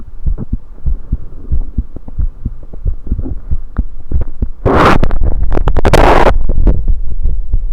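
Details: Regular low heartbeats recorded on the self with a USB electronic stethoscope while drinking soda, with bursts of gurgling from swallowing and esophageal burps partway through: normal heart sounds.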